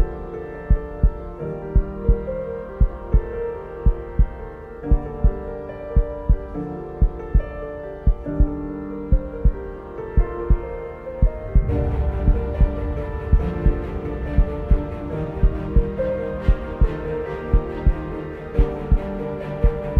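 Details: Produced heartbeat sound effect in an epic music mix: steady low thumps at about 57 a minute under swelling orchestral music; a regular slow heartbeat.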